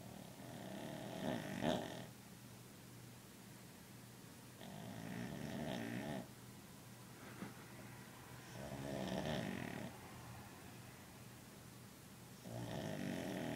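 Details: Sleeping dog snoring: steady rumbling snores, about four breaths in thirteen seconds, roughly 18 a minute; snoring.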